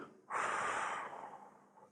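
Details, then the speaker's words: Inhaler technique demonstration: after the puff, holding 10 seconds, then removing the inhaler and slowly breathing out through pursed lips, a single airy hissing exhalation, strongest at the start and tapering off. "மெதுவா வந்து காற்றை வெளிய விடுறீங்க so இதுதான் technique"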